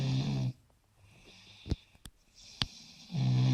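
Loud, deep snores with a quiet gap of about two and a half seconds and a few small snorts between them: snoring.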